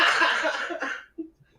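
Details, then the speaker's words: Adult man coughing while laughing, which he says makes laughing horrible. He thinks he had bronchitis, has not seen a doctor, and wheezing is mentioned. Cough. "i think i had bronchitis oh god but i'm not going to the doctor like that that costs money"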